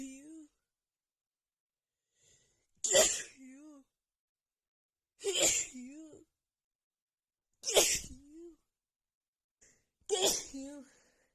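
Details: Female with a head cold and blocked nose, after sniffing a tiny bit of black pepper: sneezing fit of four forceful sneezes about every 2.5 seconds, each with a gasping intake before and a voiced tail after.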